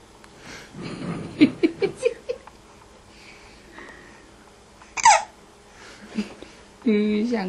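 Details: Infant still hiccuping, babbling with several short, sharp, abrupt voiced catches in quick succession; infant hiccups.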